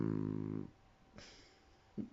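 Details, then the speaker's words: Loud, rattling, low-pitched snore from a sleeping dog, followed by quiet room noise and a brief soft snuffle; snoring. "Vous entendez le ronflement? Vous entendez la puissance du boubou?"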